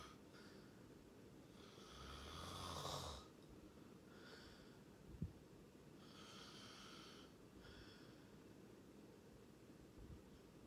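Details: Low rattling snore on an in-breath, then quieter breathing over steady room hiss; loud snoring during sleep.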